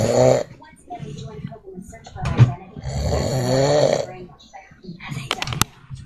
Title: My dad is snoring